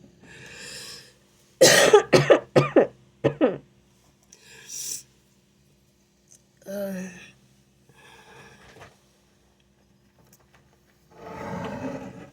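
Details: A rapid run of about six harsh coughs, then a few quieter coughs and breaths, from an adult who is ill with a fever of 101, possibly the flu; cough.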